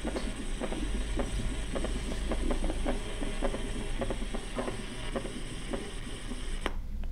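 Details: Summation gallop played as an example in a cardiac auscultation teaching recording for medical students.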